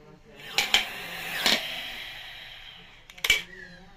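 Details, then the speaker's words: A few clicks, then a long steady hiss of deep breath inhaled through a tightly held mouthpiece of a three-ball incentive spirometer during a demonstration; deep inspiration, raising all three balls. "पहले हम इंस्पिरेट्री muscles का करेंगे तो patient को बोलना है कि आपको क्या करना है डीप ब्रीथिंग ठीक है लाइक"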